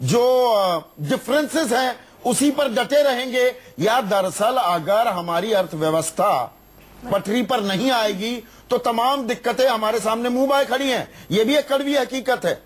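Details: Adult speaker; normal voice.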